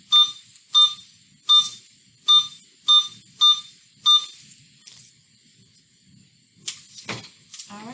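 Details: IV infusion pump set up to infuse hydration fluid after the IV was flushed and confirmed in the vein, in a nursing demonstration; seven short electronic beeps, then faint clicks and rustling.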